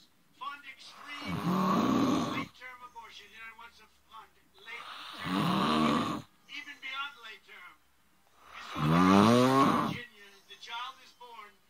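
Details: Loud, rattling, vibrating breaths about 4 seconds apart, roughly 16 a minute, with quiet breathing between, from a person filmed by a friend while asleep; regular snoring.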